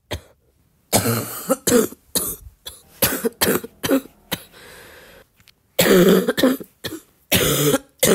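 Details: Repeated harsh cough bursts with a rattling, mucus-laden quality from a girl, in a short wet-cough compilation: wet, productive cough.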